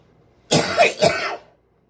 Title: cough cough cough cough cough cough and spit 😒